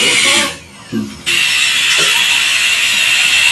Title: Root canal treatment